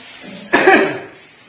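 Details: Single short, harsh cough burst in a quiet room, during a traditional massage for cough and flu; cough.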